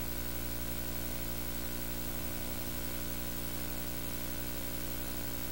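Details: Ultrasound at 10 weeks of pregnancy with the baby moving: fast, regular rhythmic pulsing over a steady machine hum; early fetal heartbeat.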